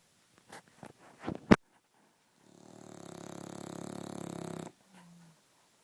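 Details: English Bulldog snoring: after a few snorts, a long, loud buzzing rattle rises and holds for about two seconds, the typical snore of a flat-faced dog.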